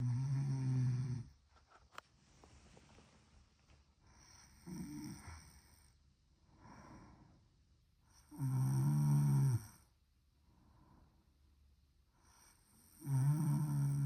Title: 우리집 코골이는 누구인가? #코골이 #snoring #잠좀자자 #sound